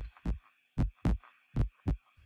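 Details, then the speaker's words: Normal heart sounds (S1 and S2) in an auscultation teaching example: regular lub-dub near 80 a minute, with a shorter gap after S1 (systole) than after S2 (diastole). "s1 is caused by the closing of the av valves after the atria have pumped blood into the ventricles the second heart sound dub or s2 originates from the closing of the aortic and pulmonary valves right after the ventricles have ejected the blood"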